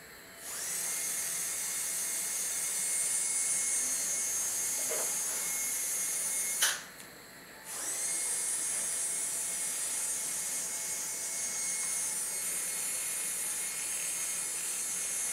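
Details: High-pitched whirring of a dental polishing handpiece, stopping briefly once before starting again, during an in-office dental cleaning.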